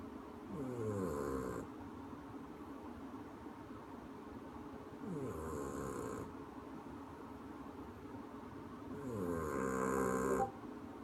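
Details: Regular rumbling snores on each in-breath, about 13 a minute, with quiet pauses between; ordinary snoring.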